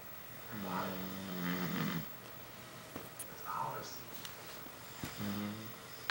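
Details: A man who says he doesn't snore, napping while watching The Office: two loud, buzzing snores with quieter breaths between, in a small quiet room; snoring.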